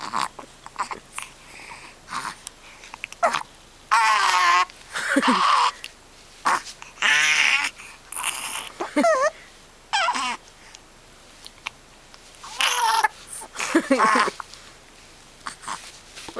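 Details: Baby boy at 7 weeks old with hiccups, repeated short catches breaking into brief angry cries and fussing between them.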